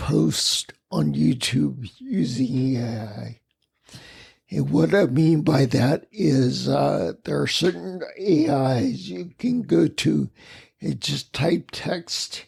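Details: Ataxic dysarthria in a man with the rare neuromuscular disease spinocerebellar ataxia, causing mobility challenges, a speech impediment and noise-induced anxiety, lived with for over 20 years.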